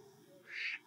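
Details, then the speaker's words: Dog with brachycephalic obstructive airway syndrome: a brief, loud, high-pitched, harsh stridor on inspiration from an obstructed upper airway. The dog struggles and is distressed on both inhaling and exhaling. "es lo que vimos ese es el estridor se oye se oye que el perro está sufriendo"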